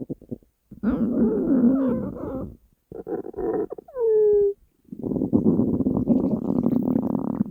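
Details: Hungry stomach growling (borborygmi) recorded from the uploader's own stomach: long, low gurgling growls with a rising squeaky whine in the middle.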